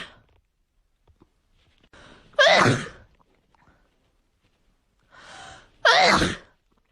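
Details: Two sneezes, each a quick indrawn breath followed by a sharp explosive burst: ordinary sneezing.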